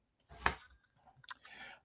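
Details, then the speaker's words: A sharp single click from the jaw joint, then a softer second click, as in reciprocal clicking on opening and closing; temporomandibular joint click. "when when we evaluate we have to look for the clicking reciprocal clicking patients open they have click here then close they have another click so we have reciprocal uh clicking"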